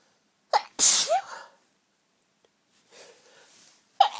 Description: Lots of girly sneezes..... i'm laid in bed surrounded by tissues right now....